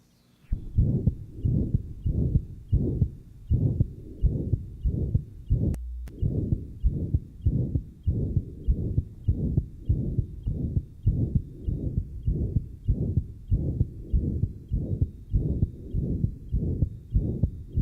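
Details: 1955 Johns Hopkins heart sound laboratory recording of tetralogy of Fallot after a Blalock-Taussig shunt: rapid regular heartbeat near 98 a minute with a loud, rough murmur.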